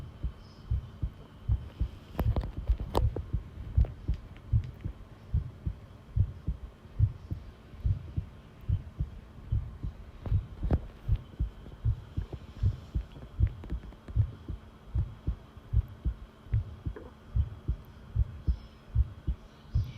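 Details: Long self-recorded heartbeat taken while listening: steady, regular low thumps at about 76 beats a minute with a faint background hum; normal heart sounds.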